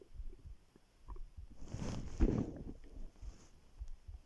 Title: How my stomach growls when I lay down on it